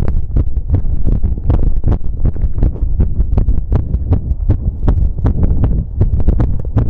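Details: Visible apical heartbeat with pressing after exercise outdoors: steady low thumping at about 80 a minute with rubbing and handling noise.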